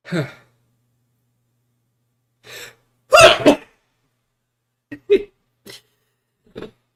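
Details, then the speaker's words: Adult during a live coding stream: a couple of sharp breaths in, then one loud explosive sneeze, followed by small breathy sounds; a single sneeze. "sorry that was a funny sneeze"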